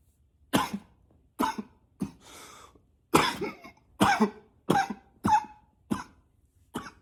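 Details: About nine short, harsh acted cough bursts over seven seconds, some deliberately coughed with a deeper voice; voluntary coughing.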